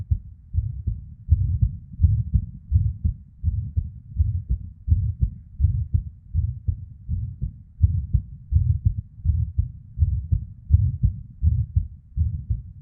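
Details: Irregular heartbeat in a female, near 80 per minute, with uneven spacing from early PVCs/ectopic beats and a whooshing murmur (blood flow) sound between beats.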